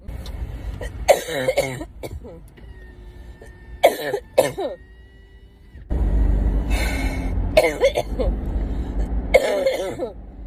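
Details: Several bursts of harsh coughing and throat clearing, some with a voiced tail, recorded over road and vehicle noise while driving; a cough.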